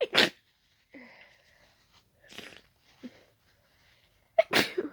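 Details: Allergic sneezing brought on by closely smelling daisies, described as very tickly and wet: two sharp, wet sneeze bursts with soft snuffly breaths between them.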